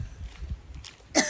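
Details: Person outdoors chokes in surprise after seeing a monkey on the road: a single sudden, harsh reflex cough after low outdoor rumble.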